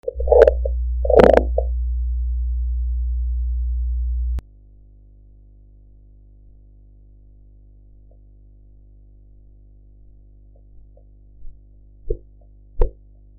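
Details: Blood pressure practice recording with audio enhancement: low hum and two noise bursts, then quiet, then soft tapping Korotkoff beats appearing at the end as the sphygmomanometer cuff deflates.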